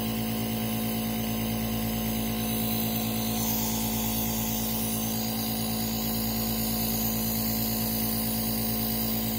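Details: Nebulizer compressor running.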